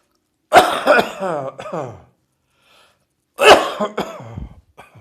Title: Coughing and Nose Blowing after Heavy Chest Cold